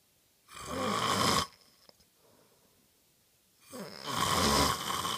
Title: Snoring again